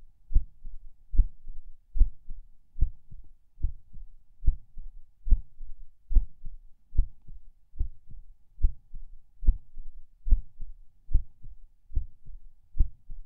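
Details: Person lying in bed falling asleep: steady heartbeat about 72 a minute, slightly uneven, with occasional soft skipped beats, possibly PACs (uncertain), and a distinct split S2.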